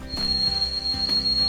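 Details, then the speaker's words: Simulation of tinnitus as a high-pitched ringing: a steady high tone over faint low background sounds. "Some experience a high-pitched ringing sound, something like"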